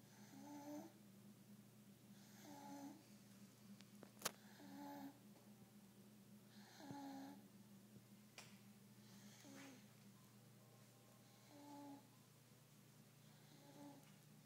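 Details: A sleeping baby makes soft, regular snoring sounds with each breath, about 28 a minute, over a steady background hum. Snoring.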